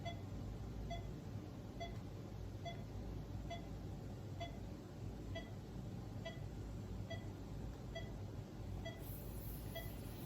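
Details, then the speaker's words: Pulse oximeter on a patient's finger during a vital signs demonstration, reading 99%: soft regular beeps about 70 a minute over room hum, sounding each heartbeat. "Okay, so as you can probably hear, the pulse ox has been beating this whole time."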